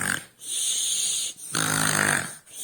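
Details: Sleeping person snoring heavily with two loud, rough, rattling breaths with a hissing edge, likened to a lion's snore.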